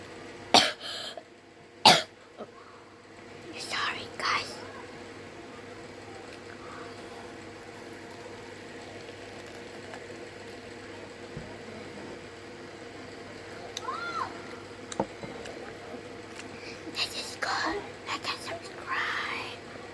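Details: Two brief, sharp coughs near the start of an ASMR recording, followed by throat-clearing and soft whispering over steady room hum.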